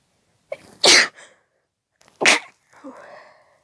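Two sharp explosive sneezes in quick succession, each with a brief lead-in breath and a soft trailing sound afterward.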